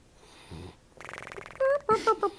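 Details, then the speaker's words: Pet who went back to bed in the morning, snoring in an unusual, unearthly, cartoonish way; volume boosted in recording: snoring. "how long can we go on this Percy this is Percy snoring this is the best snoring we've ever heard from pery sounds like poey or"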